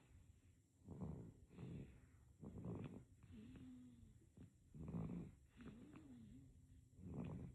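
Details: Sleeping baby snoring: soft, snuffly, irregular breaths with brief squeaky whistles on some breaths.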